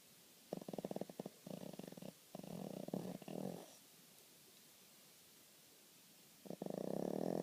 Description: Our little Snorkie Charlee Horse is quite the snorer..